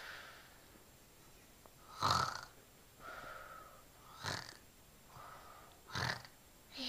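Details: Young child asleep and snoring with rough, rattling snores alternating with softer breaths roughly every two seconds; ordinary snoring.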